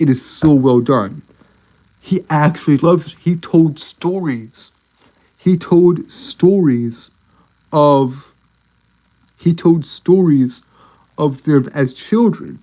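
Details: Adult male streamer with a self-reported speech impediment, a stutter, which he says cannot be helped: stuttering.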